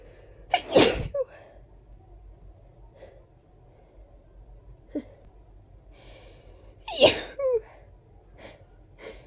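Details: Two big, wet, forceful sneezes several seconds apart in a quiet room, each with a sharp intake and explosive burst; sneezing.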